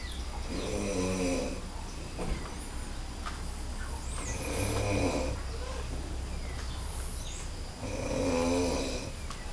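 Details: Very loud, deep, rattling snoring from a man sleeping at a smallholding in Candeias, Bahia, one snore every three to four seconds, birdsong outdoors, with a decibel meter showing the snore's loudness.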